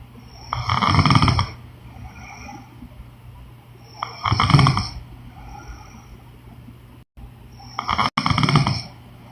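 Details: Three harsh, rattling snores about every 3.5 seconds, roughly 17 breaths a minute, over steady room hum from a sleeping woman; adult snoring.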